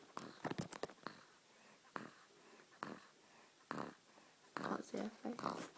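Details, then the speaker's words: Soft snoring with short, noisy, snuffly breaths at irregular intervals in a sleeping 7-week-old (nearly 8 weeks) baby girl, asleep only minutes. "aurora is snoring it's your face yeah definitely our father's daughter"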